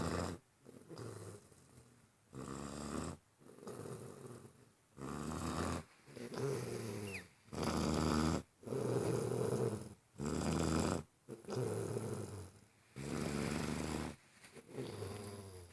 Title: The snoring heathen.